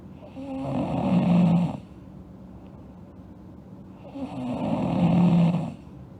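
Two loud, rattling snores on breathing in, roughly one every four seconds, with quiet breathing between; typical snoring.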